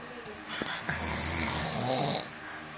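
A single loud, rough, rattling breath lasting over a second, typical of a snore, over steady room noise.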